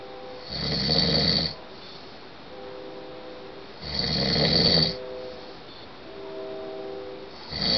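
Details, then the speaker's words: Adult husband snoring loudly while asleep, recorded through the wall: loud, harsh snores roughly every three seconds with steady room hum between. "you're snoring really loud and I finally got you on tape"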